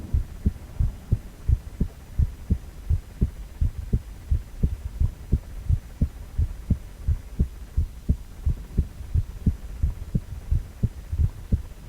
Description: 4-chamber View of male heart with heartbeat sound.